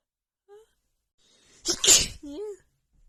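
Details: Morning sneezing attack from seasonal allergies flaring a few days before spring: a brief inhaled catch, then one loud explosive sneeze with a short voiced tail.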